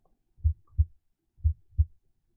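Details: Normal heart sounds from the iPax auscultation simulator, chest piece on the precordium; loudness changes with site and fades away from the point of maximal intensity.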